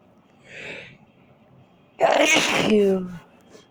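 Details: Adult sneezing and coughing while complaining of being itchy: a quick breath in, then one loud explosive sneeze trailing into a voiced sound; a normal sneeze.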